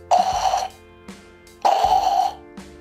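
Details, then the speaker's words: Two loud, buzzy, vibrating snore-like bursts, an imitation of severe snoring caused by throat obstruction rather than nasal blockage. "그런데 대부분의 코골이라고 알려진 이 코골이 소리는 코 막힘보다는 목이 막힌 소리."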